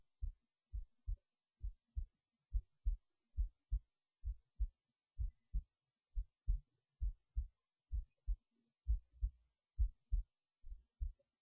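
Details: Person resting in bed late at night before sleep: clear, steady lub-dub heartbeat at about 65 beats a minute in a quiet room; normal resting heartbeat.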